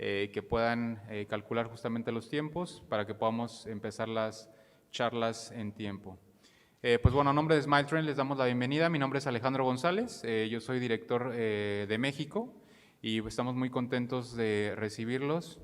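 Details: Adult male speaker; Typical speech.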